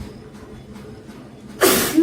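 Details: Quiet room noise, then a sudden loud burst of air at the end, consistent with a single sneeze from a young Indian woman in a sneezing challenge.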